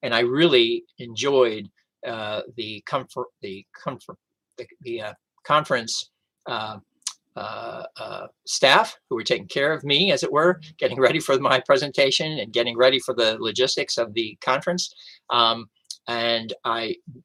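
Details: Man about ten years after a stroke in September 2011 that caused aphasia, speaking during recovery with hesitations and word repetitions; post-stroke aphasia.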